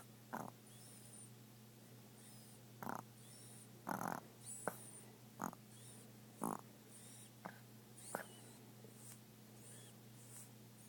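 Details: A sleeping dog snoring: short, snorting snores recurring every one to two seconds over a steady low room hum.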